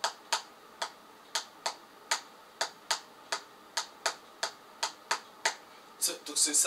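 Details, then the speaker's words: Imitated third heart sound (S3), described as normal only in pregnant women and children and otherwise often pathological: a clicking rhythm of paired beats with an extra soft sound after the second. "alors comment vous allez écouter le troisième bruit du cœur le troisième bruit du cœur ça va être comme ça c'est à dire"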